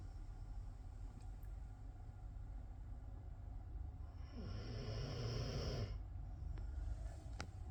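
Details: A single low, rough snore of about a second and a half over a steady background hum, from a sleeping 18-year-old dog; snoring.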